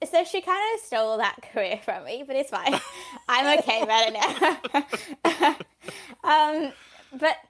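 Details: 15-year-old female who has stuttered since age 3; stuttering.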